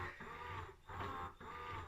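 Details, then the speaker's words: An electric breast pump on full suction and full speed, used by a breastfeeding mother sitting on the floor, makes rhythmic mechanical whirring in repeated cycles of about half a second. "so now sat on the floor you can hear I've got the pump go in and again it's quite noisy and I always put on full suction and full speed"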